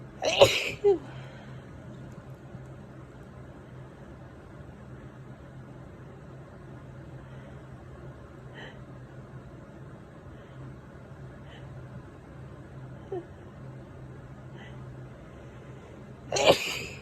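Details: Person with spring allergies, wet, hard-to-control sneezes and itchiness: two forceful sneezes at either end of a long quiet stretch, faint room hum; allergy sneezing.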